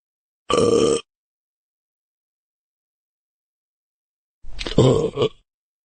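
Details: Burping sound effect: two separate low, rumbling belches, the second longer and uneven.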